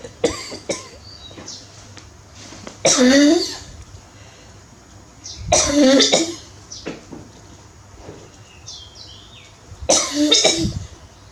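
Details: Elly wakes up on hearing her mom's cough: three harsh, rasping coughs spaced several seconds apart, with small chirping calls between them.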